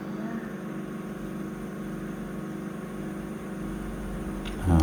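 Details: Endoscopic ear microsuction by a nurse on a 4-year-old boy with very difficult ear wax: steady loud low roar and hiss of suction, with a brief rise at the end as debris is drawn in.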